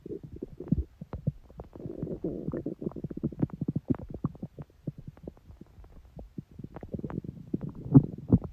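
Continuous gurgling, bubbling rumbles with rapid irregular pops; ordinary stomach growling from gut movement.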